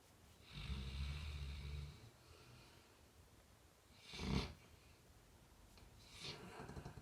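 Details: Labrador dog asleep: a low rumbling snore on the in-breath, a huffing breath out, then another soft snore; snoring.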